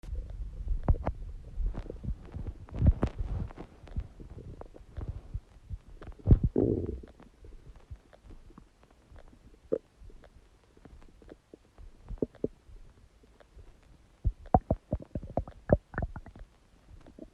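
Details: Huge stomach gurgling: loud, irregular gurgling and bubbling belly rumbles, ordinary borborygmi.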